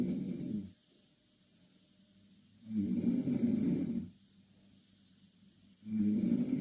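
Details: Two Korean girls snoring in the same bed: loud, low, rumbling snores about every three seconds, roughly 20 breaths a minute, with quiet pauses between; heavy snoring.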